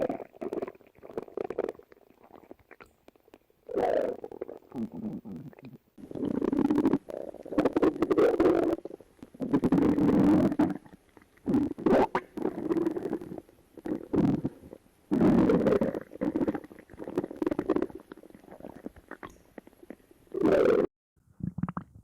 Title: stomach growls top 5